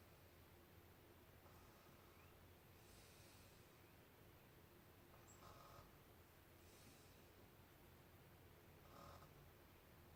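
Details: Soft, rhythmic snoring breaths every few seconds over steady room hiss.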